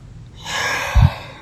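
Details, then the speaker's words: Man 4 months after a C5–C6 spinal injury with quadriplegia, on medication for breathing trouble, imitating his episodes at rest: a single strained, gasping inhalation ending in a low catch; labored, shallow breathing. "he's trying to take an adequate breath. Yeah, I'm like trying to take adequate breaths, and it's kind of creepy."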